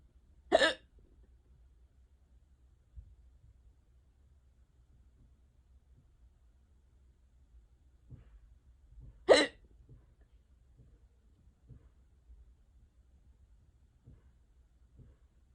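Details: Unusually severe, long-lasting hiccup bout: two sharp, abrupt gulping clicks about nine seconds apart in a quiet room; hiccups.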